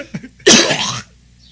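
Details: A podcast host's harsh cough, which he says makes him sound like he's dying, with his eyes watering afterward.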